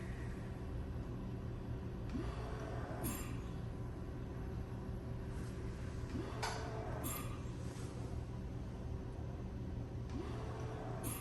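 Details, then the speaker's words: Hamilton C1 ventilator delivering volume-targeted breaths into a test lung (adult circuit, flow sensor, two bacteria filters); low hum, rising tone, hiss every ~4 s, peak pressure climbing to reach set volume, possible low exhaled volume alarm. "if you notice as it keeps delivering a breath it the peak pressure keeps going up because it's trying to achieve my volume"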